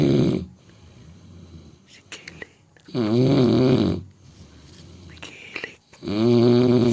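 Loud, buzzing snores on breathing in, with quiet pauses between, about 19 breaths a minute: snoring in a sleeping dog.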